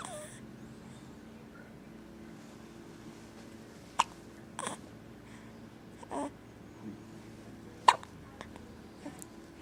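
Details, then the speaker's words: Infant with hiccups: soft, sharp little hiccups roughly every few seconds over a quiet room hum; ordinary infant hiccups. "Feel better? No? Still got the hiccups."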